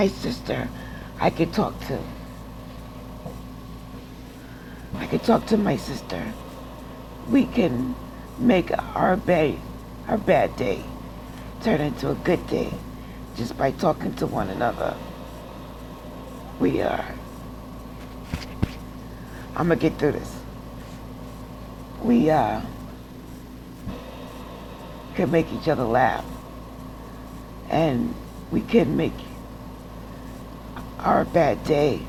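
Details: Adult woman with aphasia following a stroke, speaking from nursing-home rehab and still taking speech classes; aphasia.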